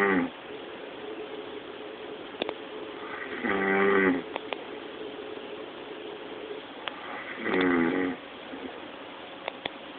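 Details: Adult man snoring very loudly during sleep: two loud, buzzing, drawn-out snores about four seconds apart, with quiet breathing and faint clicks between them.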